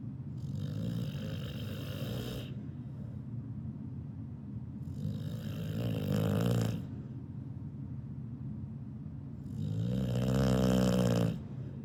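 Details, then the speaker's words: A 2-year-old female dog snoring while asleep: three loud, rasping, buzzing, chainsaw-like snores, each about two seconds long, every four to five seconds. "And this little snore that she does when she's sleeping, that's just her."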